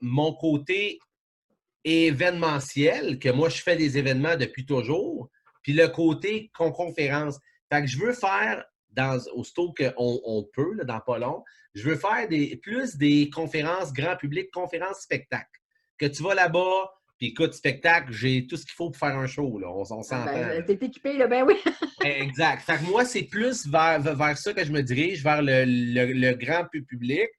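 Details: Mild stuttering in French in an adult man who now almost no longer stutters; it worsens when he is tired.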